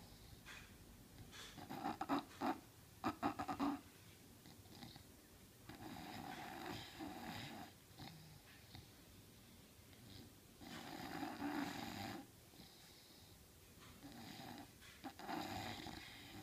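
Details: Repeated rough, snorting snores and noisy breaths of varying loudness in a quiet indoor room; snoring in an English Bulldog sleeping on the couch.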